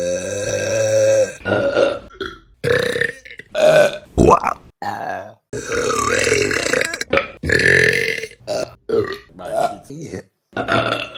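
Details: Compilation of loud, deliberate burps of varying length and pitch, one after another with short gaps; burping.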